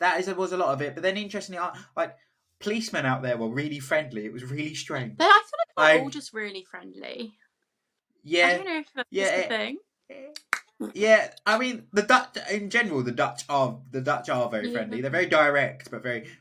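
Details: Adult speaker in conversation; normal speech.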